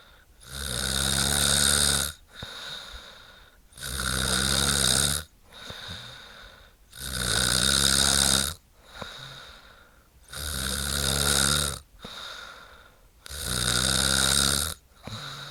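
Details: Woman snoring: loud, rough snores on each in-breath, about 19 a minute, with quieter out-breaths between.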